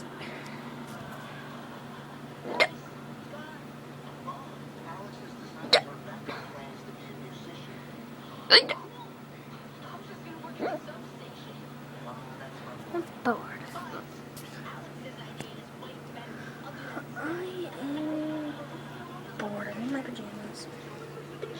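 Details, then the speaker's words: Genuine, not faked, hiccups in a person who says they get hiccups often, lasting two to ten hours: sharp, abrupt hiccups recurring every few seconds, with quiet speech and steady room hum. "guys I got bored so I I made a video of me having hiccups not faking actually hiccups I get hiccups a lot a lot it can last for like two 2 hours to 10"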